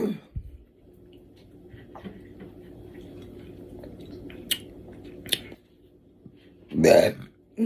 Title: KoolAid Soda Burping Compilation #burping #belching #koolaid #compilation #fyp #ytshorts #viral